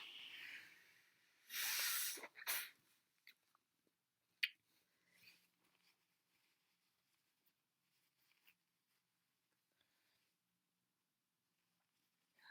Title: Loud, snotty sneezes